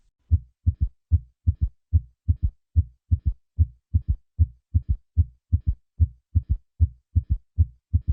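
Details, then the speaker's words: Simulated adult heart sounds recorded at the apex, about 74 beats a minute, with a soft, low extra sound after S2: a third heart sound (S3). "Third heart sound."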